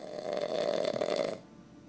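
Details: One loud, harsh, buzzing snore-like sound lasting just over a second from a sleeping dad, then quiet; loud snoring.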